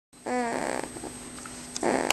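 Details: Snoring in sleep that has gone on for about half an hour: a short, nasal, whistling snore, then a quieter breath and the start of a second rough snore.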